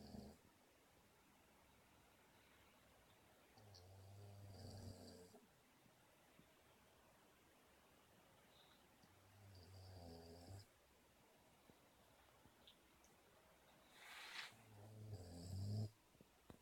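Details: Three low, rumbling snores about every five to six seconds with quiet pauses between, faint room noise behind; snoring.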